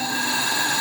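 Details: Dräger Evita V300 mechanical ventilator running: a steady, even mechanical whirring hiss with no alarm tones.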